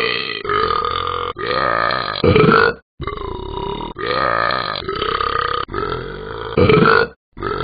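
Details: Several long, loud, voiced burps one after another from the animated app character Talking Ben the Dog; burping.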